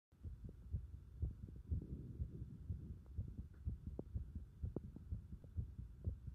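Regular low thumping beats, roughly 120 a minute, with a faint steady hum behind; heartbeat felt as pulsation at the pit of the stomach.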